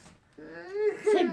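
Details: 29-year-old woman with cerebral palsy saying hello and a short nickname; a gurgle in her voice makes her hard to hear; dysarthric vocalization.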